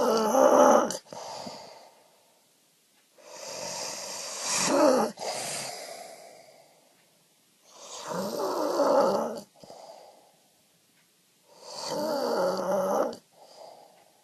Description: My wife caught me snoring